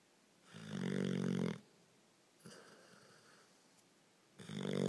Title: Bear snoring